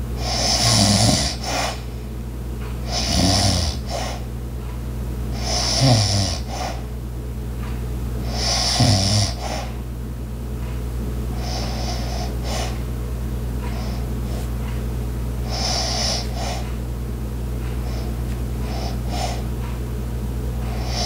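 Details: Soft, breathy light snores every few seconds over a steady household hum with faint clicks, such as an ice maker and clock; snoring.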